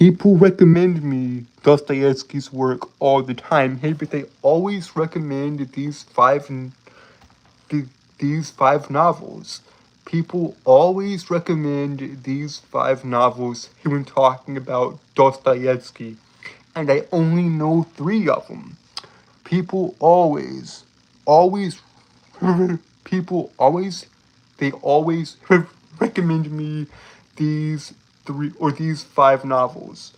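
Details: Adult male with a lifelong speech impediment that makes him stutter and trip over his words, heard stuttering in casual talk; stuttering.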